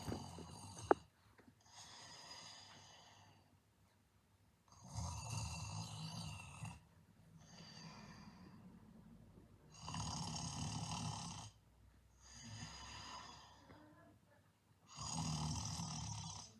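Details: An edited snoring sound effect of the animated character Bakugou: loud, rasping snores on the in-breath alternate with softer out-breaths, about eight breaths a minute.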